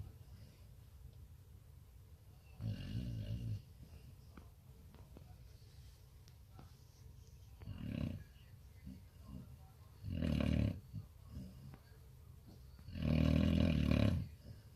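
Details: Sleeping Samoyed dog snoring a lot: soft low snoring breaths recurring every few seconds over room noise.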